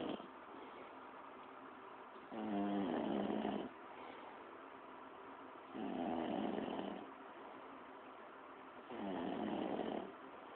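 Loud rattling snores on each breath in, about every three seconds, with quiet breaths out between them; steady snoring.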